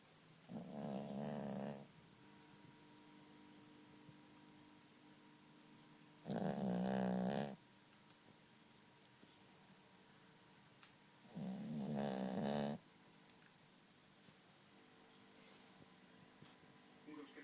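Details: Snoring in a small pet dog while asleep: three rough, buzzing breaths, about 11 a minute, with quiet gaps and faint room hum between them.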